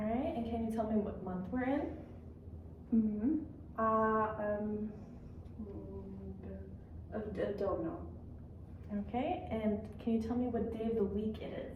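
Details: Adult woman clinician speaking, with a brief hesitant reply from another adult; typical speech.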